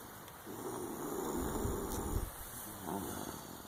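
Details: Snoring: a low, rumbling, fluttering snore through the middle of the clip, with a steady background hiss.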